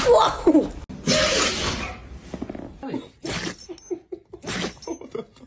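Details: Dog sneezing: loud explosive nasal bursts followed by quick snorts and huffs.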